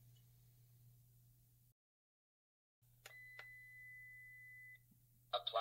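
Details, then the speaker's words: Electronic beeps and a sustained tone as an AED powers on after pads are placed on an adult's bare chest during CPR demonstration for sudden cardiac arrest, before voice prompts and rhythm analysis. "now once the pads are in place we just simply need to turn a machine on and listen to the instructions"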